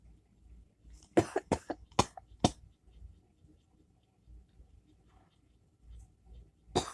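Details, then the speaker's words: Cough from the cartoon character Mordecai (Regular Show) at 5 a.m., titled as whooping cough, with the character thinking he is getting sick: a cluster of about five harsh coughs, then quiet breathing and one more cough; no whoop is heard. "Who's coughing at 5 o'clock in the morning? Okay. I know I am. I think getting sick."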